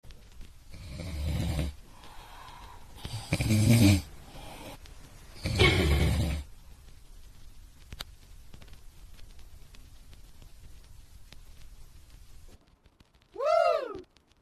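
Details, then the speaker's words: Three loud, low, rattling snores about two seconds apart, then a brief whistling chirp from a person snoring loudly; snoring. "千万别不信，就这么一瓶就可以调养打呼噜，鼾声如雷，你别忍了。"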